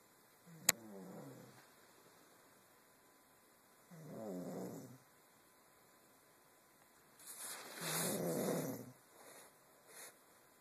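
Soft vibrating breaths every few seconds with a louder, noisier one later, over faint room hum: snoring.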